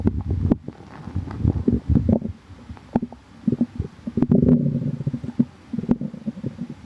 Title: calm tummy | stomach growling